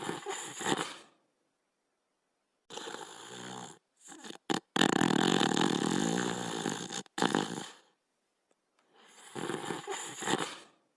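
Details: Border Collie named Rusto asleep, snoring with loud rattling snore bursts and quiet pauses between breaths.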